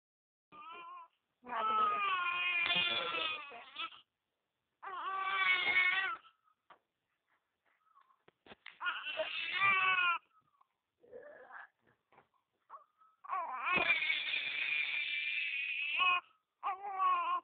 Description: Crying time & Sleeping Time For Baby